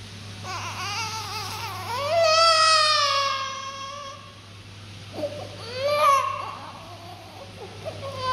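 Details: Newborn baby girl just after birth, in the morning after cleaning: a strong, wavering cry in two long bursts with a steady hum behind; a normal vigorous cry after birth.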